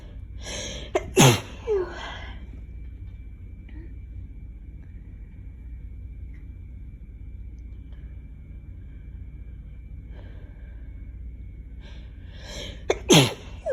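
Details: Two sharp sneezes about twelve seconds apart, each with a quick in-breath, over quiet room hum, during a summer cold following days of allergies.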